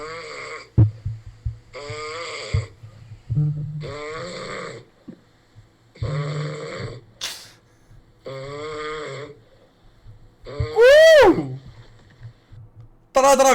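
Loud, rattling, groaning snores repeat with each breath, rising into a whistling squeal near the end.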